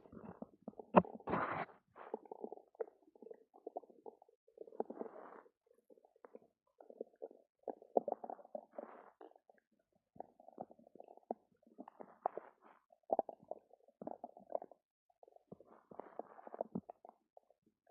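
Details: Stomach rumbling after drinking two cartons of yogurt: frequent gurgling, bubbling abdominal rumbles in irregular bursts, active bowel sounds (borborygmi).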